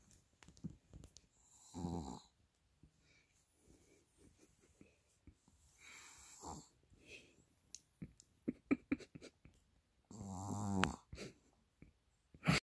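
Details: A sleeping baby wrapped in her favourite blanket, snoring loudly: rattling snores on three breaths in, with quieter snuffling and clicks between them.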